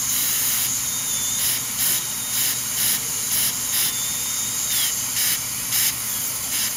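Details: High-speed dental handpiece (drill) preparing porcelain veneers on teeth #7 and #8 with lingual chamfer margins. Steady high-pitched hissing whine with water spray, rising in short repeated bursts as it cuts the interproximal enamel.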